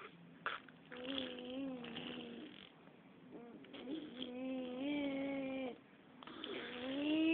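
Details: Sleeping cat snoring: soft, whistling, slightly wavering breath sounds in repeated cycles with quiet pauses between.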